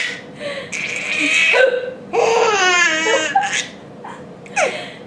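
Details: Adult mother's hiccups, short sharp gulping sounds every couple of seconds, while her 5-month-old baby laughs in bursts between them.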